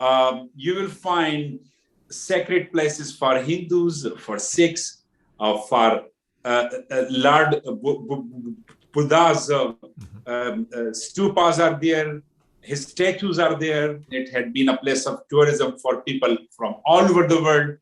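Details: Adult man with stuttering since childhood, worse when nervous; severity varies from day to day.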